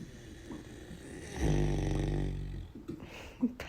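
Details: One loud, low, rumbling snore over a quiet room background; snoring, recorded 1/10/2023.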